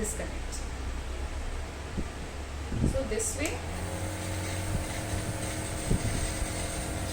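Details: Nebulizer compressor running during a demonstration of proper nebulizer use for lung conditions such as asthma or COPD: a steady mechanical hum with brief background speech.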